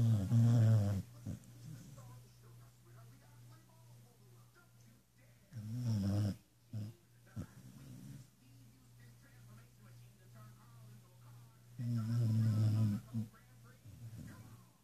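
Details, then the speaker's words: Sleeping dog snoring loudly, described as snoring like a man and slowly warming up: low, rumbling snores about every six seconds with quiet breathing between; heavy snoring during sleep. "his dog has been keeping me up for snoring this is the evidence"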